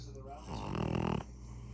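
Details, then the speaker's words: A pug, a small flat-faced dog, lies comfortably asleep and gives a single loud, rattling, fluttering snore lasting under a second in a quiet room: snoring. "even snoring you hear that did you hear that that's the loudest snore for a small ugly"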